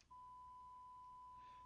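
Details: Simulated tinnitus from an online tinnitus evaluation tool: a steady, pure high-pitched tone that holds unchanged throughout; tonal ringing type of tinnitus.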